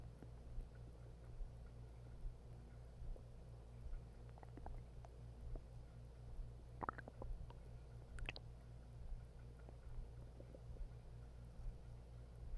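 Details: Stomach growling after eating half a bag of hot chips: low, soft gurgles and rumbles with occasional squelches over a steady low hum; borborygmi.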